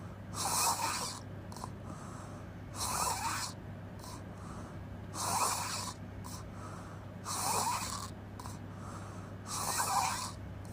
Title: Open mouth crazy snoring noise🙆‍♂️